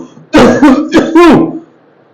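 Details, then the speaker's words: Adult doctor imitating a barking cough, described as very loud, as an example among cough types: four short, harsh, voiced cough bursts in quick succession. "पहले मैं example बता रहा हूं की marking कब की जो खांसी होगी वो कैसे होगी"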